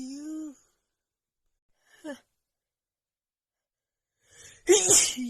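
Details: Female with a runny nose after about an hour outside in cold, snowy weather, plus dust: a drawn-in voiced breath, then a sharp explosive sneeze, one of a non-stop run of sneezes.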